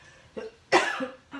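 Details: Three short, dry, non-productive coughs from an adult woman with a dry throat, the middle one loudest, in a small room.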